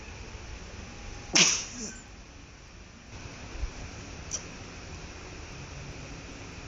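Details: One sharp, explosive sneeze, then a faint snuffle and quiet breathing; a single sneeze.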